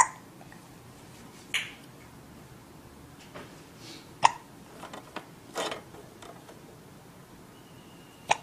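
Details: Brief sharp catches repeating every couple of seconds over quiet room noise: hiccups in a 4-month-old baby playing in an Evenflo Exersaucer.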